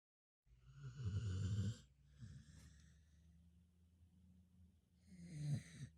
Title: Sleepy boy! He snores so loud! 😂 #lovemydog #americanbully #verysleepy